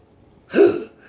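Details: Single abrupt, voiced gulping hiccup, recorded 20 September 2019 at night. Persistent intractable hiccups since 9 December 2015, every 1–3 seconds, with breathing and choking spasms and erratic stomach sphincter control. Cause undetermined.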